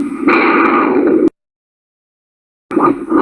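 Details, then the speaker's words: Handheld Doppler probe at the ankle during a lower-limb pressure exam; squeezing the foot produces a loud, steady whooshing roar of venous return moving past the transducer, which stops and then returns; normal venous return Doppler signal. "I'm going to squeeze the foot, and you'll hear the venous return moving past that Doppler transducer."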